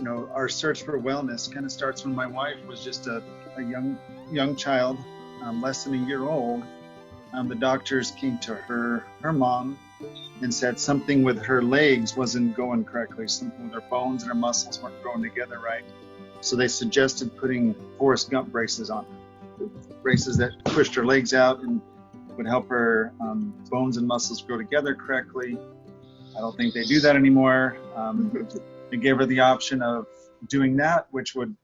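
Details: Adult man speaking; normal speech.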